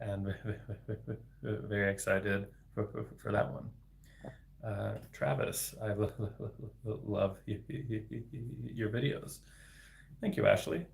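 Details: Adult man, a speech-language pathologist, who stutters, speaking spontaneously in a livestream; stuttering.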